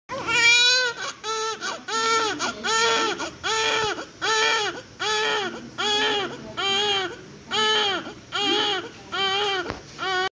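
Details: Full-term (37 weeks) newborn delivered by C-section (LSCS), 2.8 kg: strong, rhythmic, high-pitched wails roughly once a second; vigorous cry in a healthy baby.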